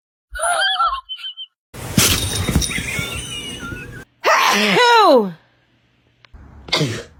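A loud, explosive sneeze after a quick breath in, with brief voices and household noise before and after.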